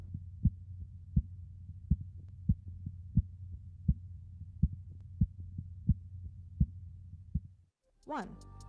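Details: Korotkoff sounds heard during blood pressure measurement as the cuff is slowly deflated: regular soft arterial taps at about 85 per minute over a low hum.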